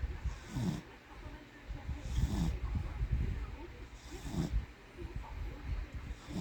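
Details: Low rumbling snores repeating about every two seconds, roughly 30 a minute, over steady room noise; snoring, likely from a sleeping dog.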